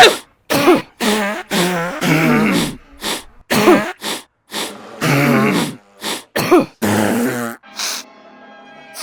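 Rhythmic throat-clearing grunts and cough-like bursts arranged as a tune; deliberate imitation of throat clearing, not an illness.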